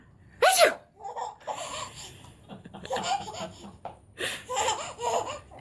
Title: Sneezes are funny